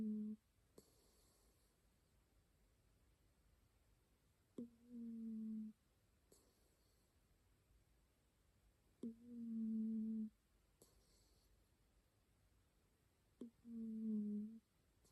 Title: My cat’s snoring sound